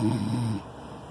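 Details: A single low, rough, rattling breath lasting about half a second, then quiet: a dog snoring in sleep after a romp.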